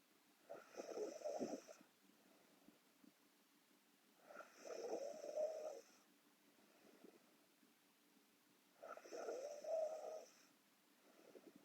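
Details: Korean girl asleep: soft, rattling snores on each inspiration, three in about 12 seconds, roughly 15 a minute, in a quiet room; snoring.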